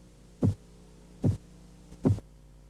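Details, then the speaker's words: Korotkoff phase 3 during blood pressure measurement: three crisp, loud tapping sounds. The murmur of phase 2 has disappeared, and the taps become louder. "durante la fase korotkov 3 el murmullo desaparece y el sonido de los golpeteos se hace más fuerte y de un tono más"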